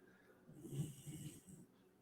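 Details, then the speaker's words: Toby, a small dog, snores with his eyes open: a low, rumbling snore with a snorting burst midway over quiet room noise; snoring. "you guys hear toby snort his eyes are open and he's snoring how are you snoring hey you're snoring and your eyes are open what the heck's going on"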